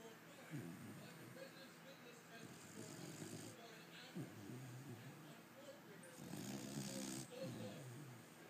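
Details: Pit bull puppy that snores all the time, sleeping: loud, rough, rattling snoring with some steady background noise.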